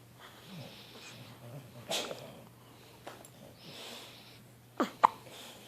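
Quiet breathing with a few sharp, brief catches spread across a few seconds, fitting hiccups.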